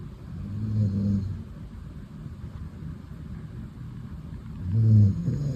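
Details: Female pet dog sleeping snuggled on the owner's lap: two low, rumbling snores about four seconds apart with quiet breathing between, ordinary relaxed snoring.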